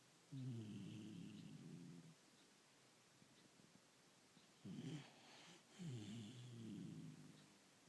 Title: Snoring Daisy